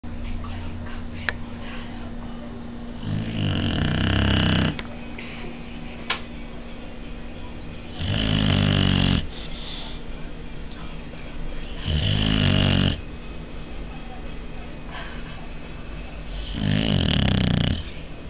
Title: Boxer Roncando - chien ronfleur - snoring dog